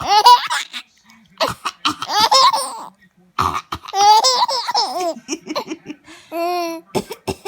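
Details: A young child giggles in high bursts, broken by a few short, abrupt coughs between laughs: coughing with laughter.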